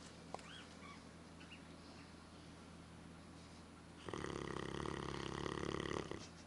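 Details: Sleeping dog giving a loud, rough, rattling snore on the in-breath lasting about two seconds, after a stretch of quiet room hum; snoring.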